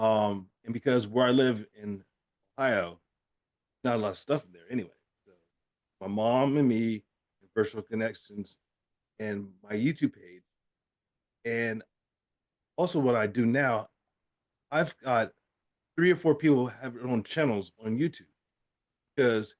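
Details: Man with aphasia who describes having a language problem, speaking on a virtual aphasia conference panel; finding: aphasia.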